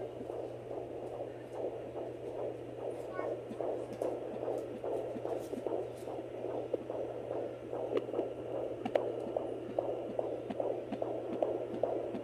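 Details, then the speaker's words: Rapid, regular whooshing fetal heartbeat at about 146 per minute over a steady hum, picked up on a home Doppler monitor by the pregnant mother during her morning check. "so I'm gonna check baby's heartbeat now that the girls are taken care of"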